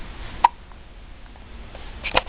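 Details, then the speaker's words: Hiccups: two sharp, brief throat bursts about 1.7 seconds apart in a quiet room. "you have the hiccups your pants are a little big got the hiccups"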